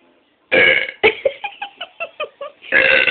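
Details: A young woman with persistent, near-constant burping gives a long loud belch, a string of short croaky belches, then another long belch.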